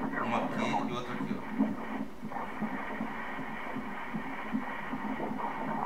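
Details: Fast whooshing ultrasound Doppler pulses from fetus B in a twin pregnancy, apparently about 13 weeks, at a rate of 150 beats a minute: a normal fetal heartbeat.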